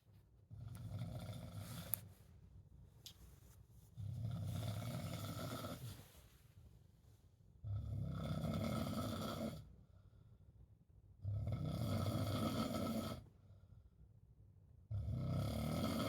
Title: snoring in Spain